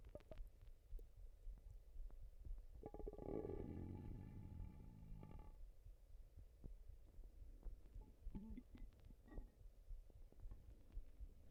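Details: Stomach noises: a long, low, groaning rumble with a few shorter gurgles over faint background hiss; ordinary stomach rumbling (borborygmi).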